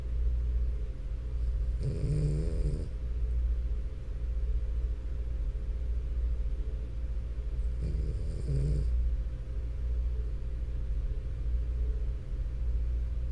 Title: French Bulldog Snoring For 10 STRAIGHT MINUTES!! ASMR